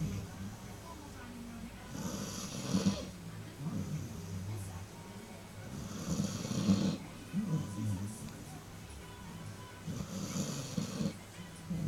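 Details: Loud snoring from a sleeping puppy, heard from the lounge: soft, rough snores about every four seconds, roughly 15 a minute, with low room noise between.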